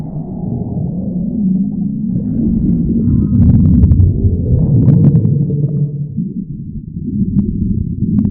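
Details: Long, low, gurgling stomach growling (borborygmi) from a woman, rising and falling with brief squeaky bubbling notes.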